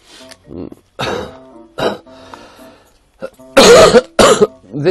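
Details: Adult livestreamer who says he has had pneumonia and wheezing since yesterday (wonders whether asthma or pneumonia) gives a run of harsh, repeated coughs and throat clearing over soft background music.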